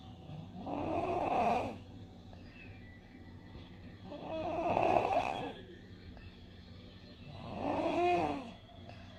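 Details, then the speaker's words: Three coarse, low-pitched rattling snores on inspiration with quiet pauses, sounding like a blocked nose; snoring example from an otolaryngology lecture on laryngomalacia. "E aí é responsável pronta mais grosseiro né ele ele é mais mais grave né é muito impressão medo de nariz entupido né"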